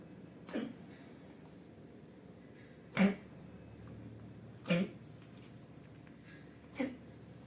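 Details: Pug with kennel cough, vomited in the first days, since recovered: four harsh, dry, hacking coughs at uneven intervals from a small dog.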